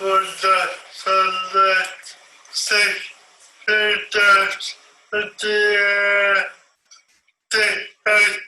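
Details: Adult male whose brainstem stroke impaired the cerebellum or its connections and the pyramidal tract (upper motor neuron), reading part of the Grandfather Passage; mixed ataxic dysarthria.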